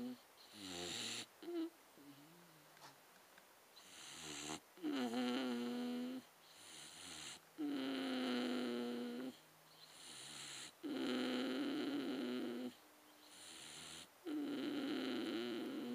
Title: Ben , Staffordshire Bull Terrier Snoring